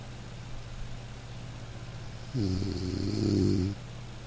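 A single soft, low rumbling snore over steady light rain: gentle snoring in a sleeping dog, harmless.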